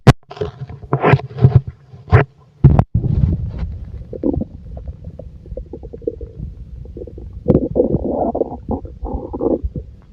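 Low gurgling and rumbling bursts, some long and bubbling, with quieter stretches between; ordinary bowel sounds of a full stomach.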